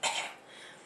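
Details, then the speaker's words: A 6-month-old girl, sick for a few days with sniffles and a heavy cough, gives a single short, loose, wet cough with the sound of a lot of mucus deep in the chest. Wet productive cough. "so when she coughs she obviously has a sound of a lot of mucus down in there"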